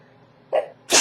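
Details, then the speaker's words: Adult sneezing repeatedly, which she attributes to sage burned earlier in the room: a short intake of breath followed by one loud, sharp sneeze burst. "excuse me i know i have really loud sneezes i can't help it"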